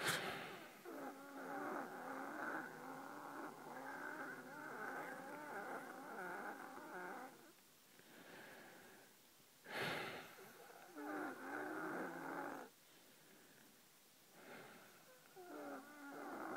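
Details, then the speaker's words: Long, musical, whistling breath sounds with several shifting pitches, recorded at night while lying down: wheezing. "what you're about to hear is my wheezing this is my breathing when I lay down there's no picture it's just listening to me and how annoying it is"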